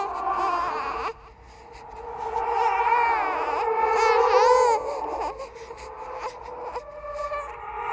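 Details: Horror sound-effect track, not a real baby: wavering, high-pitched baby crying with sobbing breaks; a ghost-baby imitation of an infant cry.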